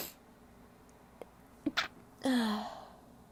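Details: Female, a short catch of breath, then a sneeze, then a drawn-out voiced sneeze trailing off in a quiet room; part of a series of powerful sneezes.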